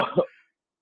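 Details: Cough from an adult man who says his voice is hoarse: a single short, rough cough or throat clear ending abruptly into silence.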